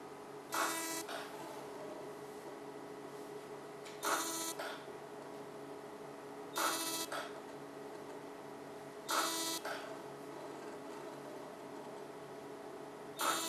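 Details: Fractional CO2 laser on a woman's face, numbed with cream for 35 minutes, treating acne scars and pigmentation and rejuvenating the skin: short buzzing bursts every few seconds over a steady machine hum.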